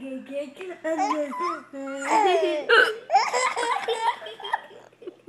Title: Baby giggling at my hiccups